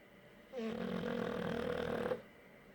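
A single loud, rough, sustained rumbling breath lasting about a second and a half against a quiet room: a snore.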